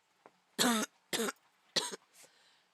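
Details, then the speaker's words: Three short, forceful, dry-sounding coughs from an adult who blames wildfire smoke, not illness, while also sniffling and taking medicine, with a faint throat sound after; cough. "is the smoke which is why I'm coughing right now I'm not sick even though it sounds like it"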